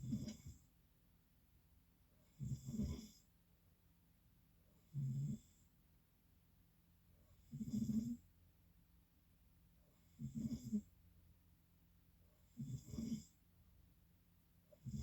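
Low rattling snores on each breath in, about 22 a minute, with quiet pauses between them. Ordinary sleep snoring.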